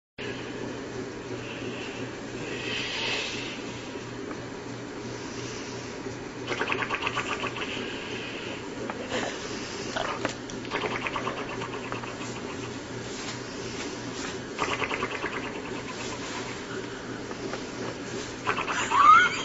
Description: Clip showing grandma snoring like an ak47 :)))))